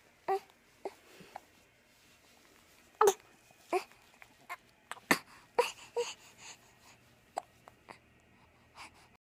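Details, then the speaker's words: Infant girl with big hiccups: repeated short, sharp hiccup sounds with soft fussing noises between them. "Those are some big hiccups, aren't they? Some big girl hiccups."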